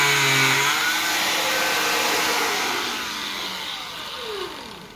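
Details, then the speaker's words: Cast saw cutting through a cast during removal using a zip stick to spread it: loud steady high-pitched motor whine with grinding, easing off toward the end. "And then all you would do is you would take your cast saw, which is going to be a little noisy, and I'll show you."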